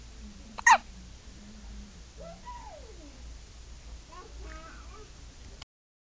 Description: My daughter with the hiccups, only 8 hours old.